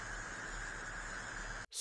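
Steady electrical buzz with a low mains-like hum, a simulation of the electric type of tinnitus.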